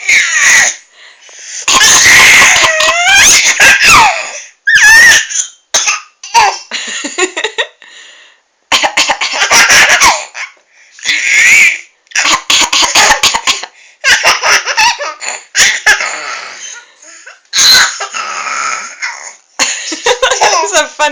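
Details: Mother coughing: repeated short adult coughs, each followed by a baby's high-pitched giggling laughter.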